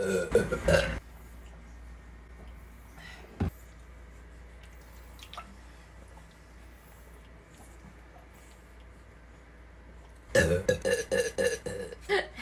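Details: Pug burping: two bursts of rapid, repeated short throaty gulping sounds with a quiet pause between; burping.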